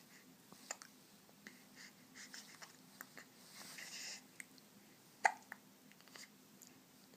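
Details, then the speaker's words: A 5.5-week-old baby makes several brief, sharp catching sounds at irregular intervals in a quiet room; hiccups. "has the hiccups. Doop, doop, doop, doop."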